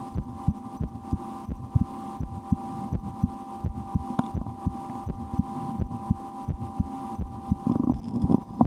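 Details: Own heartbeat heard through a stethoscope in an ASMR recording, after a lunch with loud digestion: soft heartbeat about 85 a minute with steady hum and rustling; normal heart sounds.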